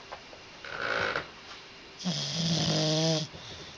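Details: Sleeping dog snoring loudly; two loud, rough snoring breaths, the second with a buzzing, whistling tone; ordinary snoring.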